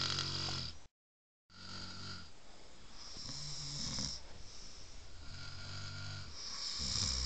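Continuous low, rattling snoring with several slow breath cycles and a brief dropout; snoring.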